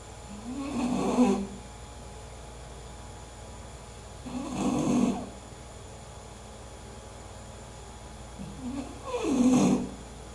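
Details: Sleeping English bulldog with three loud, rattling snores about every four seconds, roughly 15 breaths a minute, over quiet room hum; snoring.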